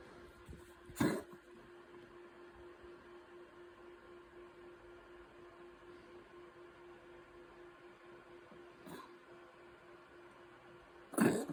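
Two short, harsh cough bursts from a dog and one fainter one between them, over a steady low indoor hum; dog cough.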